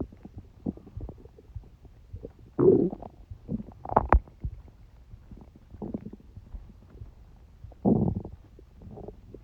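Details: Bowel sounds recorded during a cold: irregular low gurgles and squelching rumbles with a few louder bursts, from gas and fluid moving.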